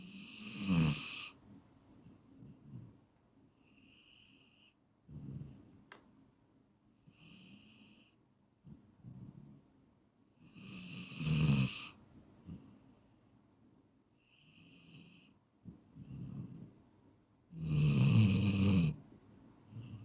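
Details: Clean snoring recording from a 15-minute sleep-induction track: loud rattling snores on the in-breath, about four in twenty seconds, with quieter breathing between them.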